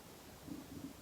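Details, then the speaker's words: Two soft, low gurgling rumbles from a hungry person who has not yet had breakfast, over quiet room noise; stomach rumbling from hunger. "ah so if you can hear my tummy rumbling i'm so hungry"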